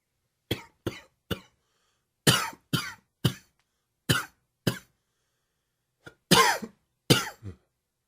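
About eleven short, dry, hacking coughs in loose clusters, with a slightly wheezy edge on the later ones.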